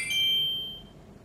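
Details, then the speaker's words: Blood glucose meter beep: single short high electronic beep from a phone-connected glucose meter as the fingertip blood sample is taken up by the test strip and the five-second measurement begins. "Älä pyyhi näytteenoton jälkeen testiliuskan päätä. Mittari piippaa ja aloittaa laskennan."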